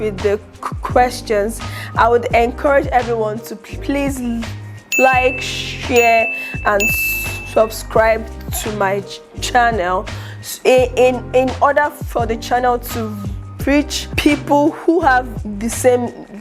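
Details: Adult woman, aspiring public speaker, who stutters and reports secondary movements (mouth shaking, eye twitching) and word-avoidance; has just started speech therapy; stuttering.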